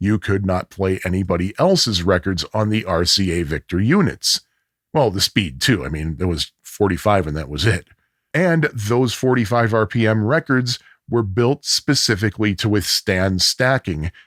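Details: Adult male speaker; normal speech.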